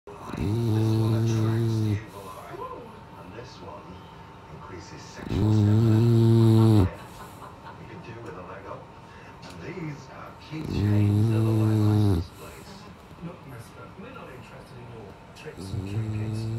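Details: Sleeping English Bulldog snoring: loud, rough snores about every five seconds, roughly 11 a minute, with quieter breathing between them.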